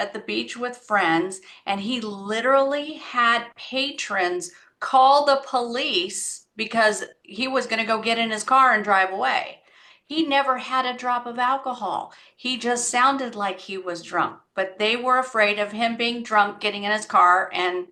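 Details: Adult woman speaking; typical speech.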